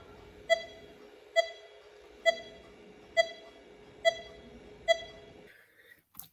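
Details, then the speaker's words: Respiratory sinus arrhythmia in a participant on a heart monitor: one beep per heartbeat at about 67 a minute, with slight variation in spacing as his heart rate rises on each inhalation and falls on exhalation over three breaths. "he's going to take three breaths and those three breaths are are going to be related to changes in heart rate as you will hear"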